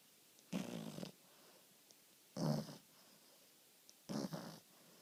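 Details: French Bulldog, a flat-faced breed, sleeping and snoring gently: three soft, low rumbling snores, one on each in-breath about two seconds apart, in a quiet room.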